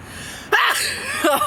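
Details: Hay fever sneeze in summer during an attempt to sneeze with eyes open: a quick intake, then a single sharp, explosive sneeze and a brief trailing sound; ordinary sneeze.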